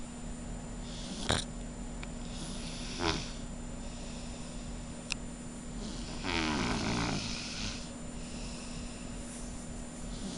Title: my snoring girl